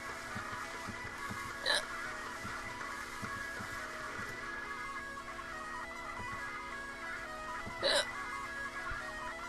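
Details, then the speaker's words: Person singing along to a song while having hiccups: music playing, with two abrupt, sharp gulping hiccups about six seconds apart. "Oh man, I hate hiccups. I really do."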